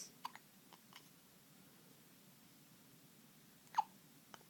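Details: 2-week-old baby girl with hiccups, which occur at least twice a day: a few brief, sharp, soft gulping clicks, spaced irregularly, in a quiet room.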